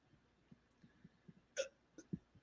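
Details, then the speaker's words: Adult host hiccuping uncontrollably at the end of a talk show: two sharp hiccup bursts with a quick gulping catch, among soft low throat sounds in a quiet room. "I'm over here hiccuping and I am out of here. Oh my god. I can't stop hiccuping."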